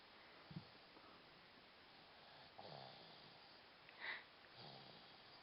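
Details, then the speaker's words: Quiet room hiss with a few soft snorting breaths and one brief whistling breath from Oliver, a dog sleeping in the afternoon after a long morning of fishing; light snoring. "It's 2 in the afternoon and we're back home. And Oliver's snoring."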